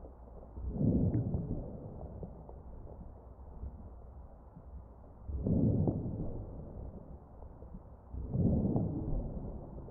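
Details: Ventilator-driven breaths with crackles heard over the chest of a mechanically ventilated patient, suggesting fluid or secretions in the small airways.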